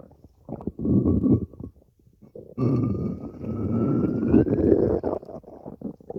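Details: Stomach growling from a long recording of over five minutes: loud gurgling rumbles with a long rising squeal in the middle; normal borborygmi from gut movement of gas and fluid.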